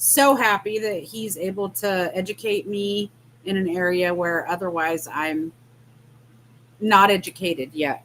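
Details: Adult woman speaking; no speech disorder.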